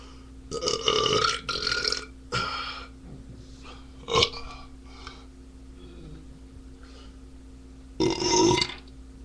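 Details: Adult man drinking beer, several loud, drawn-out belches in a row with quiet pauses between; repeated burping.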